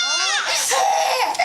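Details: A baby girl crying: a loud, wailing cry with falling pitch, then a rougher, strained continuation.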